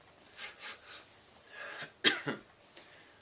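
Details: 31-year-old man with Tourette syndrome, mostly motor tics plus vocal tics. Several soft breathy throat noises followed by two sharp cough bursts during an interview; coughing vocal tics.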